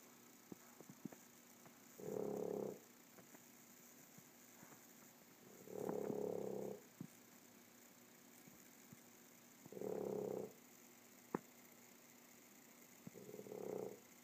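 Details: Snoring: regular low fluttering snores about every four seconds, roughly 15 a minute, over quiet room hiss.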